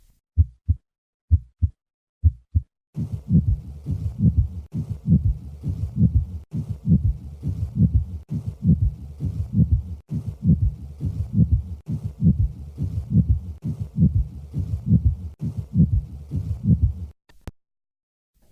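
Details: Three-component pericardial friction rub.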